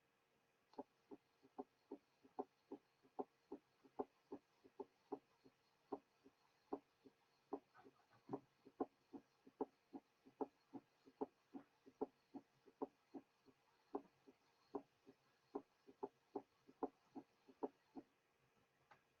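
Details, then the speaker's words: Third heart sound (S3) gallop in a patient with congestive heart failure; rapid heart rate, a compensatory mechanism of failure, gives the impression of three sounds per cardiac cycle; teaching recording in which the S3 is occasionally removed to show its position. "The following example demonstrates an S3 in a patient manifesting congestive heart failure. Since the heart rate is rapid, one of the first compensatory mechanisms of failure, one has the impression that there are 3 sounds with each cardiac cycle. Eso es el galope."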